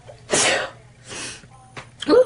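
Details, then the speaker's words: Girl who thinks she is coming down with a cold sneezes twice, sharp and hissing, in quick succession, then takes a short breath and starts to speak; sneezing. "excuse me excuse me wow so that's bronze glow excuse me guys I think I'm coming down with a cold unfortunately"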